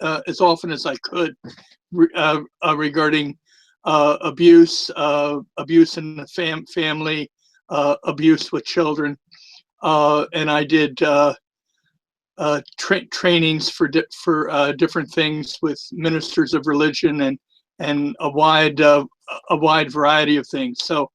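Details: Mild stuttering, occurring from time to time, with a lisp in an adult man; he says the lisp is more noticeable with the microphone close to his mouth.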